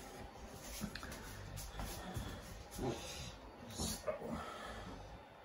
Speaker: just ignore that noise that's my dog snoring there he is there